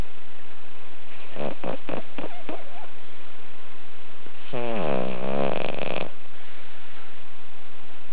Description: My pug Lyla in a very deep, twitchy, eyes half-open sleep; turn up your volume for some serious snoring action.